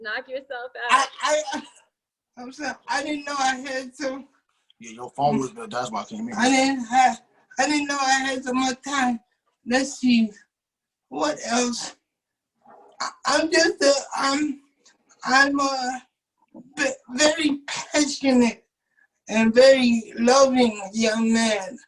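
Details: 27-year-old man with cerebral palsy since birth, wheelchair user, whose muscles do not work like others'; doctors told his family he would never talk; dysarthric speech in cerebral palsy.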